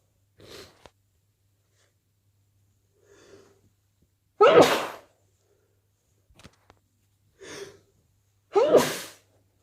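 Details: Three forceful sneezes, each preceded by a short inward breath, on day 2 of a cold.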